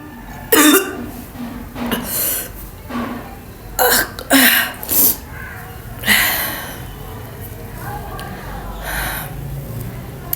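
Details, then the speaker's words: About eight short, forced coughs in uneven bursts with gasps between, from a woman doing a cough challenge, deliberately imitating coughing while saying it feels like she is really starting to cough; voluntary cough. "हाय यार, ये मुझे सच्ची में लग रहा है जैसे मुझे खांसी आ रही है। मुझे कहीं वीडियो बनाने के चक्कर में मुझे खांसी ना लग जाए।"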